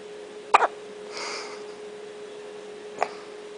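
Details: One-day-old newborn girl's first hiccups: two brief, sharp little catches about two and a half seconds apart in a quiet room.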